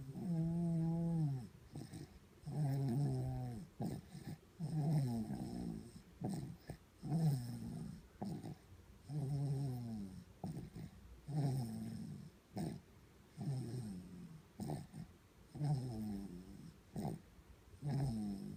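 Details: A sleeping baby girl snores in a steady rhythm, each breath a soft, voiced, slightly musical rumble: infant snoring.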